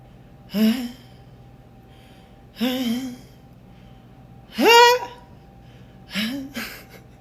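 Four short voiced gasping inhalations with rising pitch, a playful sneeze-buildup imitation.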